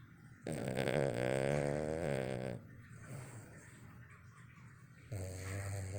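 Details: A sleeping dog snoring very loudly, with eyes twitching; it wakes at an alarm on TV and falls straight back asleep. Rattling snores, a long one, then a quieter breath.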